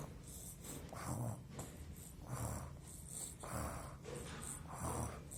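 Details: Child acting out snoring (simulated, not real sleep): repeated fake snorting breaths about once a second.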